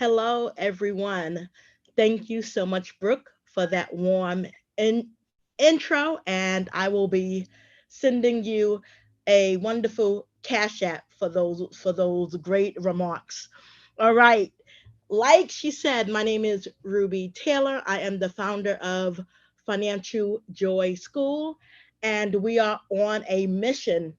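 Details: Adult woman who says she is a stutterer and a traumatic brain injury survivor; stuttering.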